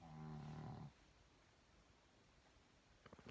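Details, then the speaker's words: A sleeping pet dog gives a single low, rumbling snore, then quiet room noise with faint clicks: dog snoring. "I don't know if you can hear her snoring. Look, my little Mia. That's what she's so impressed with me. Look, she's so impressed. Snoring red off."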